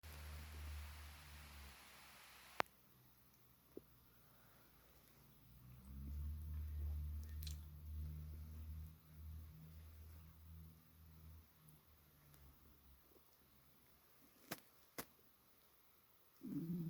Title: My Stomach Growling at Night